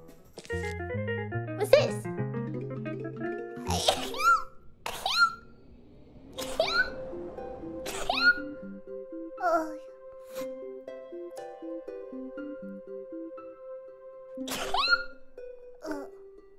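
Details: Run of about eight short, high-pitched voiced sneezes from a female streamer over light background music.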